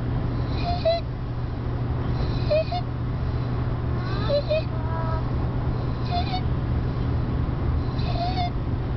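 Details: 2-year-old child with laryngomalacia: brief high-pitched, musical crowing inspiratory stridor recurring with each breath.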